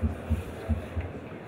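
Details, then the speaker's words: Simulated normal first and second heart sounds on a Harvey cardiopulmonary patient simulator manikin, at a slightly faster rate of about 90 beats per minute, which makes timing harder; normal heart sounds. "so here's the normal heart tones first and second heart sound but a little bit faster as you might imagine"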